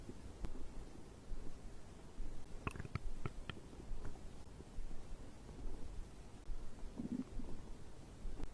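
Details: Stomach growling recorded after drinking a beverage: low gurgling rumbles with a few brief bubbly pops over a steady low hum, ordinary bowel sounds.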